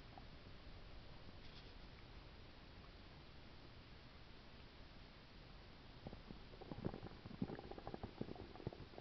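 Steady low hiss, then a burst of gurgling and crackling stomach rumbles in the last few seconds. Linked to a stomach ulcer.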